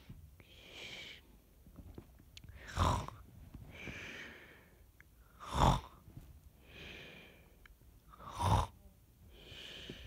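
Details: Loud, rattling snores on each breath in, about every three seconds, with softer airy breaths out between them: regular snoring.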